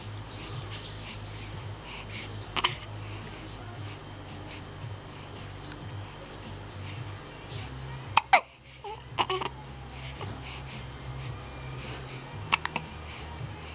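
Several sharp, brief catches spaced irregularly over low room noise with soft babbling; hiccups.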